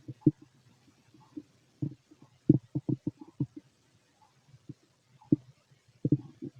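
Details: Normal bowel sounds from a fit adult male's abdomen heard through a stethoscope: irregular low gurgles and short rumbling pops in quick clusters with quiet gaps, ordinary stomach growling.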